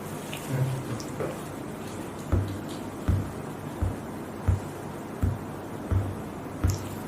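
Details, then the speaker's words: Simulated neonatal resuscitation training (preterm newborn): an assistant taps steady low beats, 8 in 6 seconds, about 80 per minute, as the heart rate heard by stethoscope, imitating neonatal bradycardia. "Di sini kita dengarkan 8 denyut dalam waktu 6 detik, yaitu didapatkan 80 kali per menit."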